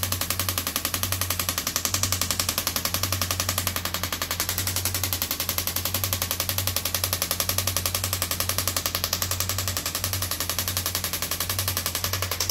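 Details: Radial shockwave therapy on an arm-wrestler, who says it feels like deep tapping on the bone and does not really hurt; rapid, steady clicking taps at about 220 a minute over a low mechanical hum.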